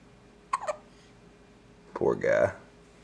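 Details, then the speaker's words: Two short, abrupt voiced catches, then a brief vocal sound, in a quiet room, from a 6-day-old baby boy; hiccups. "Hiccup. Oh, buddy. You got the hiccups. Oh, no."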